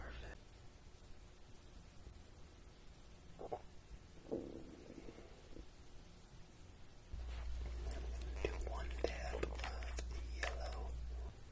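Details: Stomach growling (borborygmi) of the ASMR artist Mr. Whisper, compiled from his videos, in which his stomach growled often.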